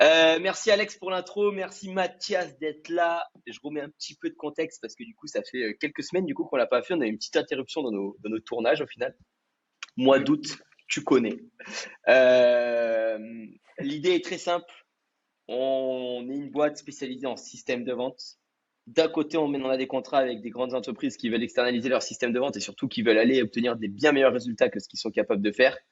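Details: Adult male speaker; ordinary speech.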